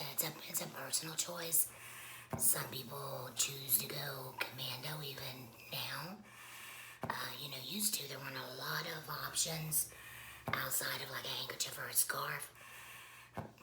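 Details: Adult woman speaking; tracheoesophageal speech after laryngectomy.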